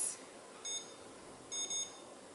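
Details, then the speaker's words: KaVo DIAGNOdent caries detector calibrated on a dried, unrestored tooth, tip held at 90° while the ring is squeezed: a single high beep, then two quick consecutive beeps confirming calibration, over quiet hiss. "you're going to place the tip at a 90° angle and I usually place it on and hold the very tip of the instrument to the tooth and you're going to squeeze the ring here until you hear two consecutive"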